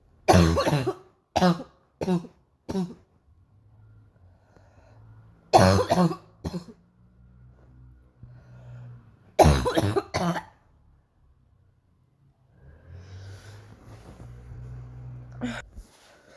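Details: Painful morning cough: three bouts of harsh, forceful, strained coughing, about ten coughs in all, separated by quiet breathing and faint room noise.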